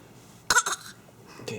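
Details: An infant who has taken to coughing as a new noise, just after coughing something up, gives a quick pair of short, dry coughs and then one more brief burst. Infant cough.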